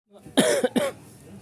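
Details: Adult coughing while checking a bread delivery: two quick, harsh coughs in close succession with faint room noise; cough.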